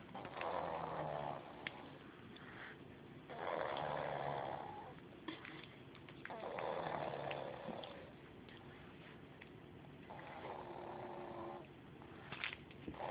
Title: Bo snoring. Haha!